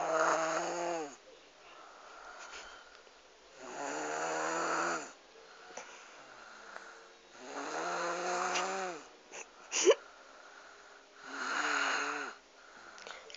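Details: A sleeping girl under 3 years old snores loudly and rhythmically: four noisy breaths in about 13 seconds, roughly 16 a minute, with quiet gaps between.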